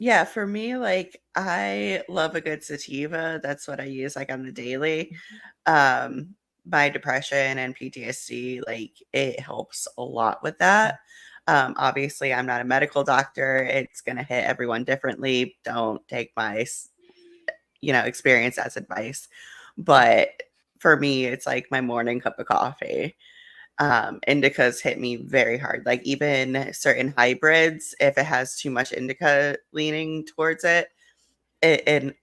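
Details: Adult speaker; typical speech.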